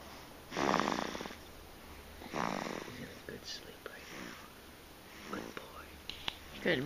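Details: Baby (infant) snoring while asleep: soft, rough breathing with a few louder snore-like bursts, faint whispering in the room. Snoring.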